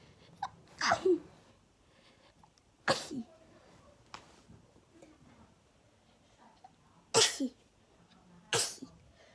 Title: Sneezing A lot